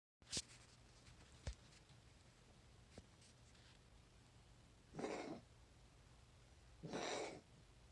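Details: A child or pet woke up coughing; recording made to show the doctor; cough.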